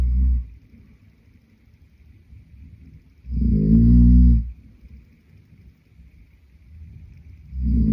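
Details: Boyfriend snoring in sleep: deep, loud, rumbling snores about 15 a minute, separated by quiet breathing, with a faint steady hum.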